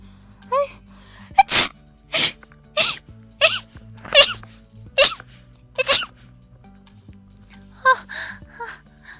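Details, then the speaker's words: A person saying they are about to sneeze, then a run of seven sharp sneezes in quick succession, each preceded by a short in-breath, then a brief sigh. "Ay, voy a estornudar en cualquier momento."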